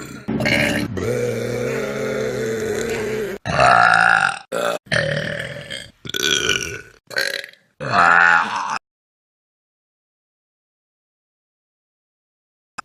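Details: From a Vine burp compilation: one long, loud, drawn-out voiced burp followed by about five shorter burps of varying pitch, then silence; repeated burping.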